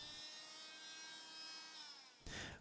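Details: Steady high whine of an American Orthopaedic (BSN medical) oscillating cast saw running in a demonstration of cutting a cast, with a louder rough burst at the end.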